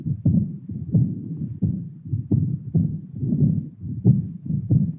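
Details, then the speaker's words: Real patient sitting forward, breath held in expiration during a cardiovascular exam: heart sounds about 90 a minute with a soft, slightly high-pitched blowing diastolic murmur of aortic regurgitation. "next you can check for aortic regurgitation your going to ask the page to sit forwards and in expiration you're going to listen for a diastolic murmur that can be slightly high-pitched"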